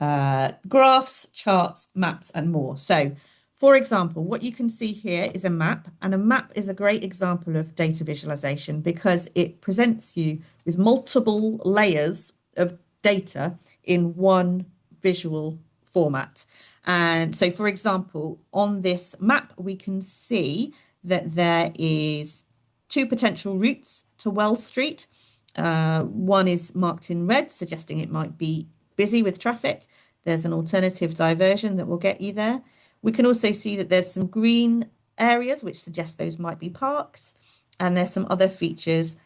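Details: Adult woman speaking; normal fluent speech.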